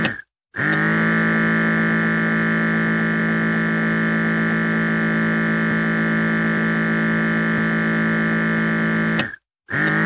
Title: [ASMR] - Blood Pressure Monitor Sound, Relaxing Stress Relief Sound, Black Screen Sleep Sounds